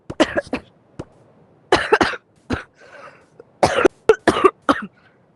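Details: Coughing during a VR game recording: several clusters of short, harsh coughs, about ten bursts in all, with brief pauses and throat clearing between them; repeated coughing fits.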